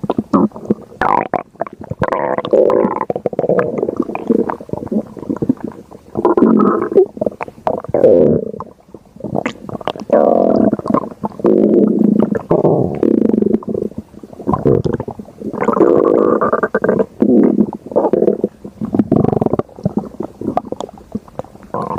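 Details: Stomach growling: long gurgling, rumbling bursts of bowel sounds (borborygmi) that come and go.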